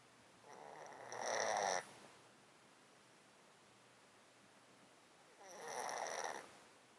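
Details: Cat sleeping in a box, recorded with a close-up mic; an underlying disease of 13 years makes him sound snotty and sneeze constantly. Two slow, noisy, rattly snoring-like snuffles through the nose; nasal congestion.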